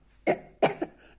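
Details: Dry cough.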